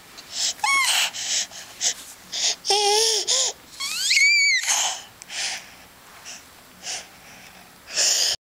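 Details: Young child talking, squealing and babbling, mixed with short breathy bursts of a deliberate, imitated (fake) cough.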